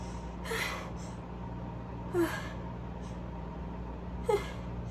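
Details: Three short, sharp, muffled allergy sneezes a couple of seconds apart over steady room hum, after days of seasonal allergy sneezing with a window left open.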